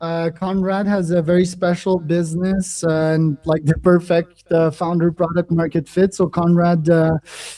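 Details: Adult man speaking; plain speech.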